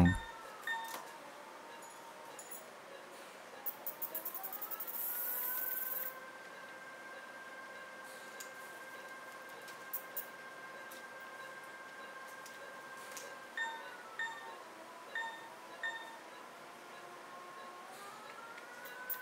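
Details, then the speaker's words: Phacoemulsification in an elderly woman with hypermature morgagnian cataract, phacolytic glaucoma and dense free-floating nucleus: steady machine tone rises in pitch and holds, then falls, with faint clicks, as vacuum builds before the nucleus chop. "just observe the background sound of the vacuum building up and then the chop maneuver takes place just try to appreciate the sound which is coming at the background"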